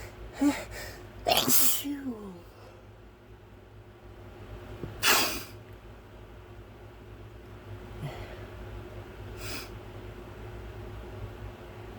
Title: pepper sneezes again